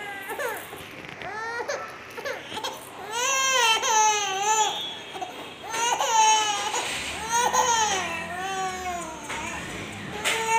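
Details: Hungry, angry 3-month-old baby: loud, rising and falling wails repeated with short breaths between; a hunger cry.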